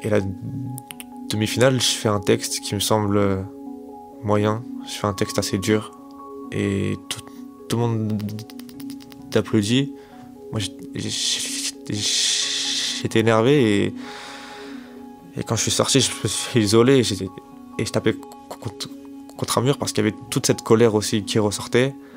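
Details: 25-year-old man who has stuttered since age 4, self-described as fairly severe and worse with stress, fatigue and in front of others; stuttering.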